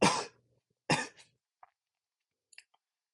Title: Uncontrolled Sneezing (m)